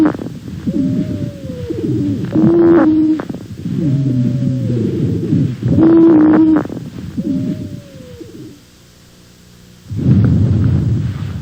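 Several musical, whistling tones sound together over repeated breaths, in both breathing in and breathing out: widespread polyphonic wheezes.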